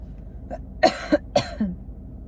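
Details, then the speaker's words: Deliberately faked, voluntary coughs from an adult practicing a cough: a few short, dry, clean coughs that sound forced rather than sick or congested. "I need to start coughing. You gotta practice a good cough."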